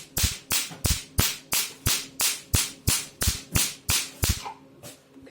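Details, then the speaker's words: New handheld pico laser, 1320 nm tip, fired at low energy: sharp, regular snapping pulses about three per second with a faint hum behind. "okay let me try this [Music] use low energy this is low energy so the power is not that strong"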